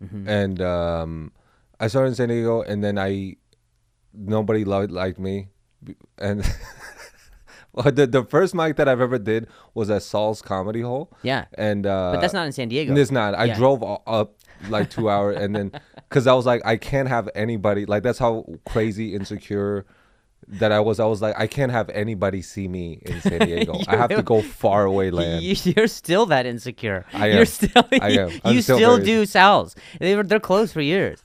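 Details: Adult man talking in a small room; ordinary conversational speech.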